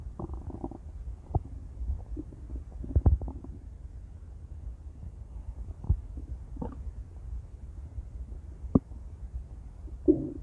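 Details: Intense stomach growls: low, gurgling rumbles with scattered pops and squeaks, loud bowel sounds.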